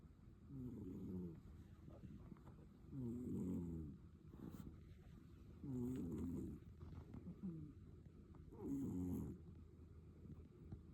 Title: Cat snoring #catlover #catsleeping #cat